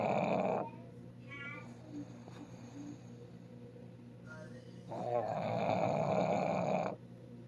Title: Ayka snoring